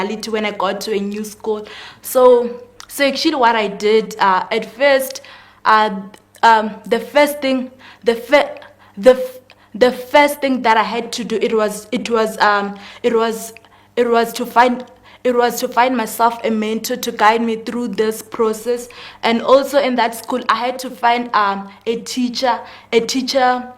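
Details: Male speaker who confirms he has a stutter, which is audible during the interview: stuttering.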